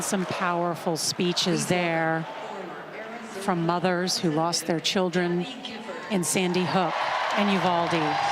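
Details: Adult commentator; ordinary speech.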